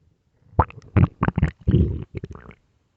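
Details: Loud bursts of gurgling growls in quick succession with a brief squeal, from a hungry stomach: borborygmi (stomach growling).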